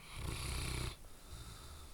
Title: Sleeping Dog Snores Loudly